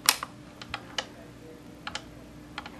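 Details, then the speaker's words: Sharp, irregular clicks, about seven over three seconds, from a YAG laser firing shots at a C-shaped Weiss ring eye floater during vitreolysis, energy seeming weaker as the floater lies further back. "I can see the energy is becoming a little weaker"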